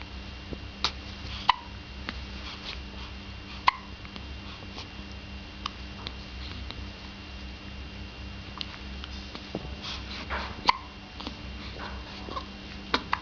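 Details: Riya with hiccups: brief sharp clicks recurring at irregular intervals over steady room noise; hiccups.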